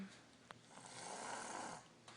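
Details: 3-year-old child snoring like an adult during sleep: a single drawn-out, rough, noisy breath with a faint click before it; snoring.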